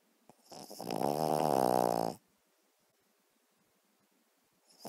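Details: A sleeping Cavalier King Charles spaniel: a single loud, rattling, buzzing breath lasting over a second, then quiet; dog snoring.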